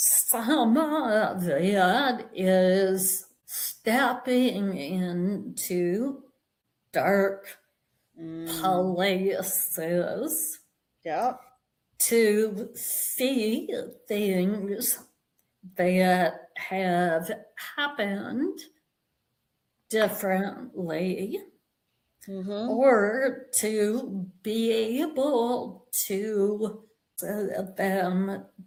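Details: Vocal tremor in an adult woman, real, which she and the description attribute to over five decades of narcissistic abuse and trauma, beginning at age five, affecting her body and nervous system.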